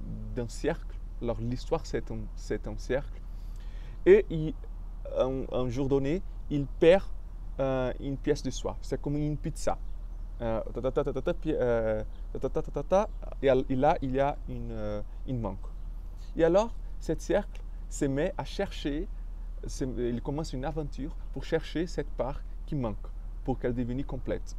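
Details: Stuttering in an adult man speaking French.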